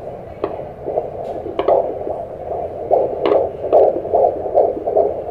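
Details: Doppler at a doctor's visit, 17 weeks of pregnancy: fast whooshing pulses near 149 a minute that fade in and out as the probe loses it, described as a strong fetal heartbeat.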